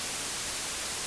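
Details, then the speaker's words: White noise tinnitus masker played in Oticon hearing aid software: steady static noise, one of several masking sounds alongside pink and red noise. "यदि आप screen के केंद्र में graph पर एक नज़र डालते हैं, तो आप देखेंगे कि यह प्रत्येक मास्किंग ध्वनि के लिए आवृत्ति प्रतिक्रिया को बदलते हुए दिखाता है जिसे मैं ओटिकॉन सॉफ़्टवेयर में चला रहा हूँ। ओटिकॉन में सफेद शोर,"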